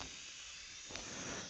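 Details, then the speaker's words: One week post-op appointment, lab repair of a fractured upper all-on-4 fixed implant-supported prosthesis: soft, steady hiss of a dental air syringe drying the work area before condensing, starting at the upper right. "all right so just uh drying off and I need the air"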